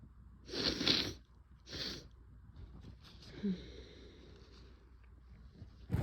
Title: strong sick sneezes + nose blows